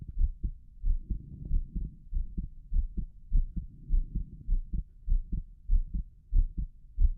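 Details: Normal heart sounds in a person whose heart is beating faster than usual from the excitement of being on camera: regular, clear lub-dub pairs at about 98 beats a minute, with the stethoscope stopping over the pulmonic area and Erb's point.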